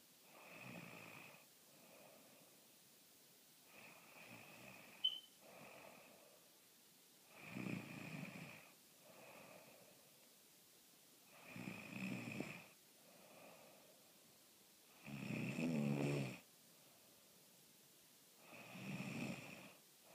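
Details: Rhythmic rough snores, about six in twenty seconds (around 18 a minute), with softer breaths between them in a quiet room; ordinary snoring.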